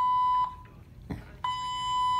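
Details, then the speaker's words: Loud, steady high-pitched electronic beeps repeating with short gaps for about half an hour, from an infusion pump on a hospital patient's arm after foot surgery, at night with no nurse responding; infusion pump alarm. "This damn thing has been beeping for a friggin' half an hour. I hit the nurse button. There's no nurse. It's constantly beeping."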